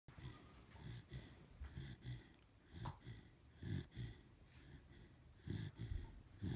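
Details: A sleeping Corgi snoring: irregular, low, rattling snores about 30 per minute, with snorting on some breaths.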